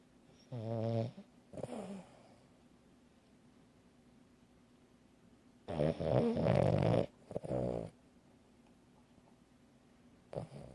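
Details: Snoring: low, buzzing snorts in bursts separated by long quiet gaps in a still room.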